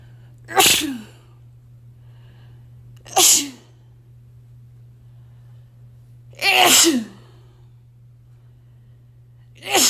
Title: I had dust sneezes